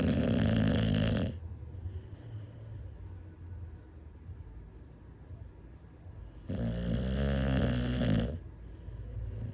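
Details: American Bully dog snoring after a night kept awake by New Year's Eve fireworks: two loud, rough, rumbling inspiratory snores separated by quieter breathing.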